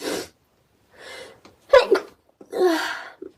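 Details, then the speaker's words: Girl with her finger on her nose, sniffling repeatedly: short breaths and a catching inhale build to one sharp ordinary sneeze, followed by a brief voiced exhale. "Sorry if I'm putting my nose here, my finger on my nose. I'm about to sneeze."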